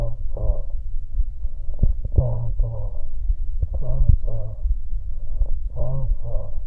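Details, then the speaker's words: Egophony over a thin laminar pleural effusion that passes mainly high-pitched vocal tones: spoken syllables heard through the chest sound muffled, thin, nasal and bleating. "la eufonía donde el derrame pleural es laminar parte el sonido no retransmitir se dejando pasar preferentemente las frecuencias altas especialmente vocales de tonalidad alta adoptando la transmisión de la voz múltiple nasal el vodka pelín"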